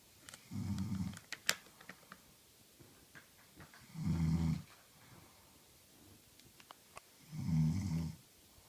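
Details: Three low, rumbling snores at about 17 breaths a minute, with faint clicks and rustling between them, from an adult woman snoring while reading.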